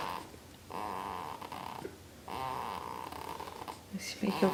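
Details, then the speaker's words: Two long, buzzy, rattling breath sounds, each about one and a half seconds, with a brief stir at the end, from a sleeping child (a 2-week-old or 2-year-old); snoring. "Is making funny noises sleeping?"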